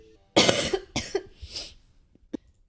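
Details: A Twitch streamer coughing: two harsh, explosive coughs in quick succession, then a brief exhale and a faint click, an ordinary adult cough.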